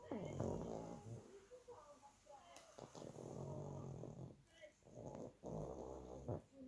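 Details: Snorting, rattling breaths with pauses between noisy inhalations from a sleeping 2-year-old pug; snoring.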